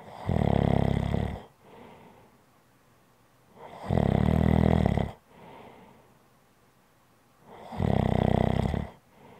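Loud, buzzing, rattling snores on each breath in, about every four seconds (roughly 15 a minute), with softer breaths out between: heavy snoring.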